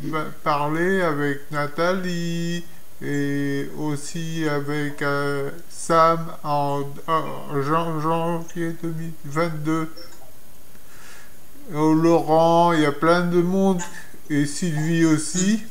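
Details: Adult man with Broca's aphasia after two strokes, the second in 2014; speech lost for some years, now in speech therapy; Broca's aphasia.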